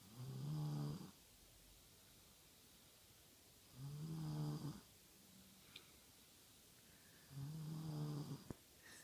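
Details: Three slow, low, rumbling snores at about 16 per minute, with quiet pauses between them; steady snoring during sleep.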